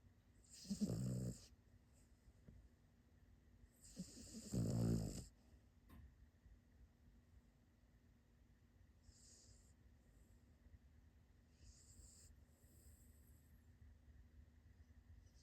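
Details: Two loud rattling snores about three seconds apart, then softer, quieter breathing in a calm room, from a small sleeper; snoring.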